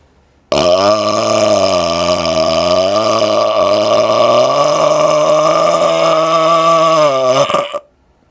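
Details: Deliberate burps recorded up close to a laptop microphone, head over the screen for closed-mouth burps: one very long, loud, deep sustained burp lasting about seven seconds, rumbling, wavering pitch.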